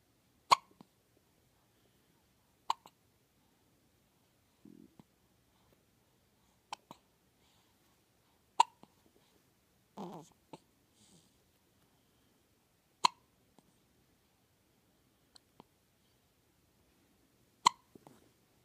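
About six sharp, brief clicks at irregular intervals of roughly two to four seconds in a quiet room, typical of hiccups.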